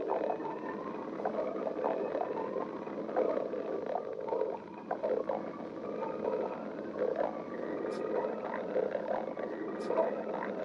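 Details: Continuous bubbling, gurgling rumbles with squeaky rising and falling tones from an adult's stomach: stomach growling (borborygmi).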